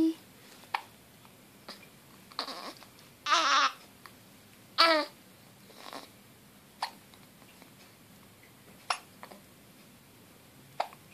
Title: Bay girl 2 weeks old hiccups